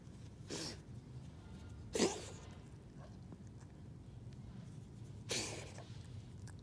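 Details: A friendly stray cat that often visits the home sneezes repeatedly; the owner wonders about hay fever. Three short, sharp nasal bursts a few seconds apart in a quiet room: cat sneezing.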